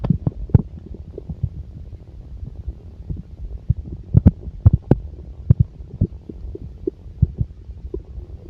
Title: the sound of a full stomach part 2